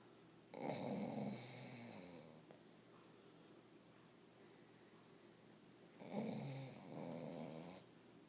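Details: Two long, rattling snores a few seconds apart over quiet room hiss from a sleeping dog; snoring.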